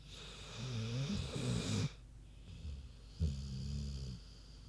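Two low, rumbling snore sounds in a quiet room, each about a second long: ordinary snoring from a sleeping pig.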